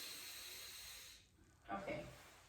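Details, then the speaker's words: Nurse practitioner physical exam, nose check: the patient covers one nostril and breathes in deeply without difficulty; a steady airy sniff with free airflow and no whistling, showing a patent naris. "i'm going to have you cover one of your nose and take a deep breath in any difficulty breathing no okay do the same with the other side"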